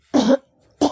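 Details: Baby ill since yesterday with cold, fever and cough, coughing through the night, attributed to eating too much curd; one loud, harsh wet-sounding cough burst, then a second starting; cough.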